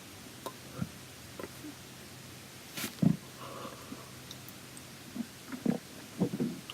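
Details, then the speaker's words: Girl who says she is hungry, rubbing her belly in the morning, has irregular low gurgles and rumbling bursts from the belly: stomach growling (borborygmi). "I don't know if you guys can hear that but my stomach keeps Corral II like think I'm rubbing it right now"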